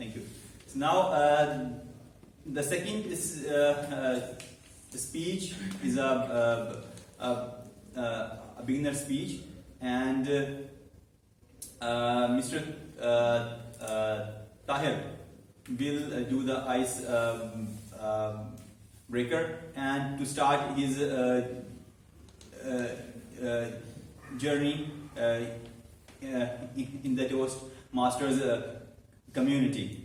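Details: Man who stammers, speaking live as host of a speaking club meeting for people who stammer; stuttering.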